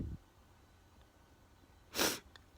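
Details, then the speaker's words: A person sneezing repeatedly while sitting outside on a warm evening, describing his sneezes as not snotty: a brief sniff, then a single sharp, explosive sneeze in a quiet setting. "think it stopped when you folks i did get that sneeze not fully on camera but i did sneeze on camera good night folks"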